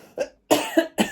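An adult gives a brief run of sharp, dry coughs, preceded by a soft throat sound.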